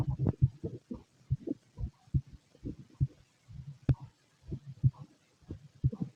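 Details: Heartbeat with empty stomach noises: soft, regular heartbeat thuds at roughly 65 a minute, with extra low knocks and rustle between beats.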